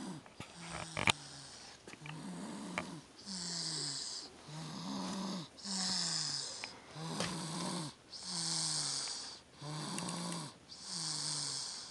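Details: Steady, rhythmic snoring from a child asleep in a car after a big day of presents, with a low buzzing tone on each breath at about 24 breaths a minute and faint car noise behind; snoring.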